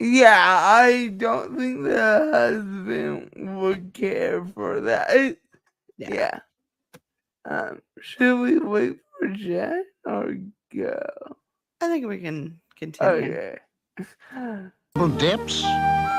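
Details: Dysarthria in a woman with cerebral palsy; she says the cerebral palsy is why she talks this way and that nothing can be done about it; real, not acted.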